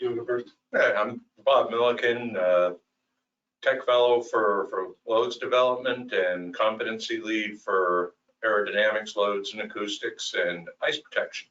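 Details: Adult man speaking; ordinary speech.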